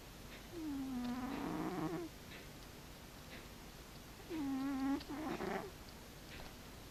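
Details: Snoring in a sleeping cat: squeaky, whistling tones on each breath, two breaths in a quiet room.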